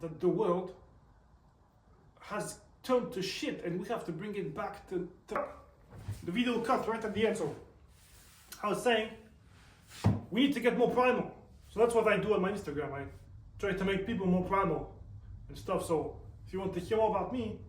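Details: Male with self-reported stutter, also reports tics; stuttering.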